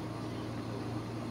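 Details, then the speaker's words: Father's nebulizer running on an Ingco generator during a power outage: steady low mechanical hum and airy hiss of the nebulizer compressor. "Ito siya. Yan po. Yan po yung nebulizer si tatay. Sakto pang brand out kaya nagamit kagad siya."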